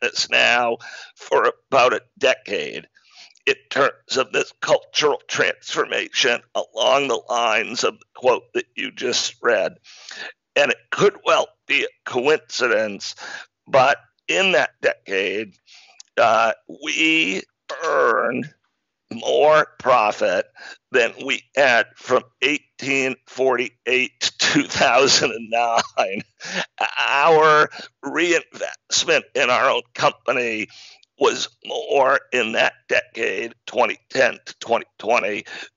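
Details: Adult man with spasmodic dysphonia, a rare neurological speaking disorder causing partial voice loss; onset around 2010, diagnosed 2012, much improved over a decade though still affected: spasmodic dysphonia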